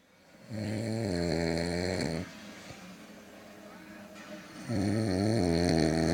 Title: I Don't Snore